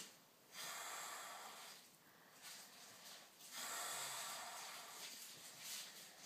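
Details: Snoring in a sleeping adult: loud, airy, rasping breaths repeating in irregular cycles with a snorting edge and little low rumble.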